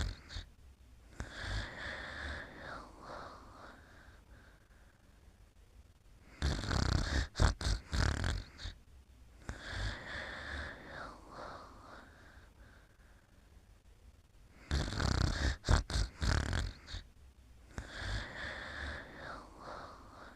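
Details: Heavy snoring during sleep: slow cycles of loud, rattling snores alternating with softer whistling breaths, about seven breaths a minute.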